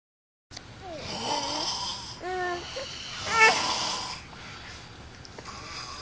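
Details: Two sleeping adult men snoring together: rough, rattling breaths through nose and throat with whistling tones and snorts over room noise; loud snoring.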